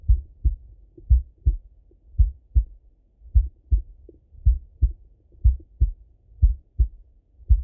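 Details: Male heart auscultated with a stethoscope, recorded either sitting at a desk or lying in bed: steady paired lub-dub about 55 beats a minute, no added sounds; normal heart sounds.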